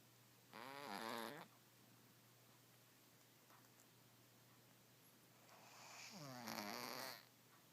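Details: A cat, sick with a sinus infection, snoring in two loud, whistling, wheezy breaths from congested nasal passages.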